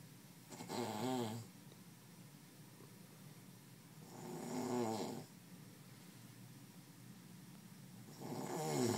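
Rhythmic rattling snores at about 16 breaths a minute, each lasting around a second, with quiet room noise between.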